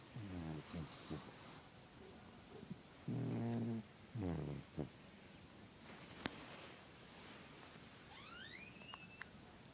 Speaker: This is my cat snoring.